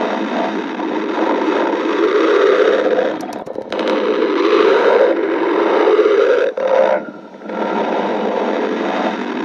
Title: B sides GF stomach growling